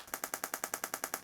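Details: Radial shockwave therapy at a setting of 3, to numb tissue, on a hand with Dupuytren's contracture; rapid, even train of sharp snapping clicks about ten per second from the radial shockwave device firing during hand treatment.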